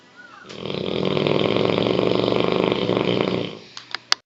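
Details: English Mastiff snoring loudly enough to keep everyone awake: one long, loud, buzzing snore on a single breath, then a few short snorts.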